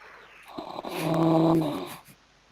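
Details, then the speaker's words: Snoring during sleep; the caption notes it always snores worse. "17 filmando perdón ah semanas atrás de colon que siempre ronca peor"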